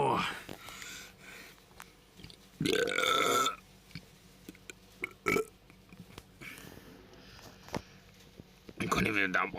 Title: sorry bout my burps 💀